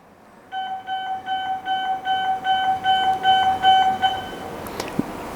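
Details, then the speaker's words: Rapid repeating high-pitched beeps, about two and a half a second, then stopping: an electrosurgical generator return-plate alarm when the patient plate detaches, meaning surgery cannot continue because of burn risk. "now this alarm shows you cannot conduct surgery anymore because there it can cause burning to the patient"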